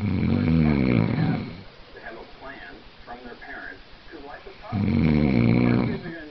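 Two loud, rattling snores several seconds apart, with quieter breathing and faint room sounds between; snoring.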